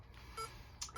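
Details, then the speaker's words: Portable SpO2/capnography monitor in a training demonstration: short electronic pulse beeps and alarm tones over low room hum as SpO2 rises toward 97 with a slightly high heart rate, before it is taken off to stop the beeping. "So we're going to take this off so it stops beeping and alarming. And we'll take this off because it's going to continue to beep and alarm."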